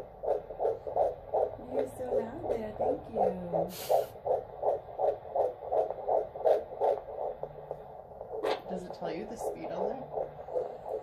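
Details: Rapid, regular whooshing fetal heartbeat on handheld Doppler at 11 weeks of pregnancy, about 160–170 beats a minute with good variability, heard for the first time; normal fetal heart tones.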